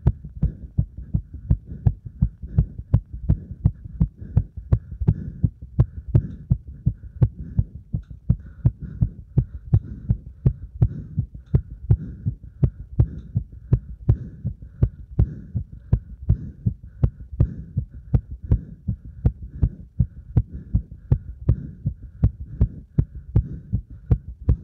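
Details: Normal heart sounds after burpees followed by deep squats to exhaustion: rapid, regular, strong heartbeats with crisp thumps, a fast but normal rhythm after hard exercise.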